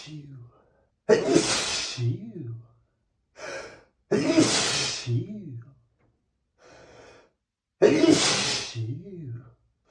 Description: A compilation of 100+ sneezes, all recorded on the same day